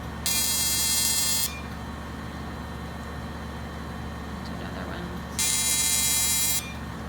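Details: Fractionated CO2 laser (Total FX/Deep FX, ablative) firing during lower-eyelid and crow's-feet resurfacing on a female patient: two loud, steady high-pitched buzzes about a second each over a cooling-fan hum.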